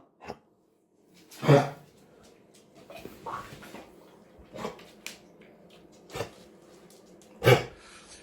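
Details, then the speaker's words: Dog in an owner-sent video gives several short, harsh cough bursts. Kennel cough (infectious tracheobronchitis) is suspected from the cough's character. "если Вы заметили что ваша собака сейчас кашляет подобным образом то скорее всего речь идёт о питомником или же его называют вольерный кашель"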